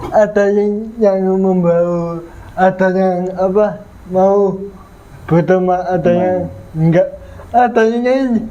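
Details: 22-year-old man with cerebral palsy (physical disability), which was linked to a difficult, delayed delivery at birth; dysarthria (cerebral palsy).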